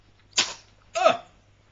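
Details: Two quick, hissy sneezes about half a second apart, the second louder and voiced; recorded with a Flip Video camcorder.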